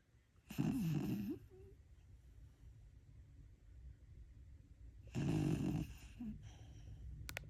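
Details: Snoring: two loud, rough snoring breaths about four seconds apart, with quiet breathing between them.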